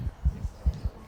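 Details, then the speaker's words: Dog aged 7 years 4 months: a fast lub-dub with a soft whooshing systolic murmur heard only at S1. Mitral valve degeneration is the top differential, not confirmed. "you can hear the L dub and then you can hear that amazing whoosing sound but you can only hear the whooing sound just at the S1 sound"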